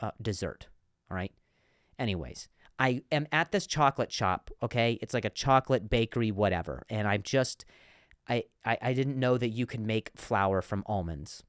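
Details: Adult male comedian who speaks with a stutter, in a podcast monologue; word repetitions are heard; stuttering.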